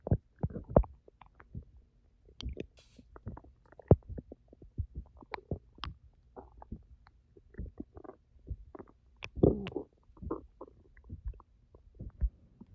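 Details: Stomach growling (borborygmi) after 10 hours without food: frequent short pops, clicks and gurgles in quiet.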